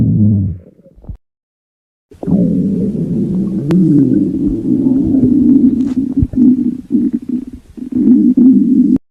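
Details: Stomach growling: long, loud, low groaning rumbles with brief gaps, a normal bowel sound (borborygmi).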